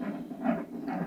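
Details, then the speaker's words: Normal fetal heart sounds of a woman at 38 weeks of amenorrhea, at term, heard during an end-of-pregnancy check in which the baby is said to be doing very well. "alors là vous entendez le bruit du cœur de votre enfant il va très bien d'accord"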